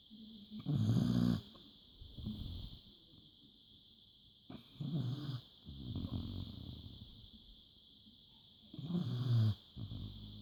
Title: Snoring dog